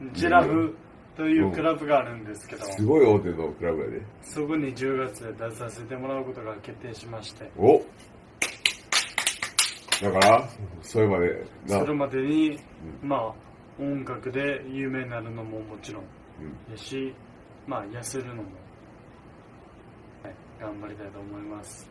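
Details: Adult man with dysarthria and language impairment after traffic-accident diffuse axonal injury, with left hemiplegia and higher brain dysfunction, bedridden two months after the accident; dysarthria.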